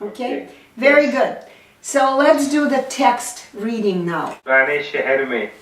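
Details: Adult woman; normal speech.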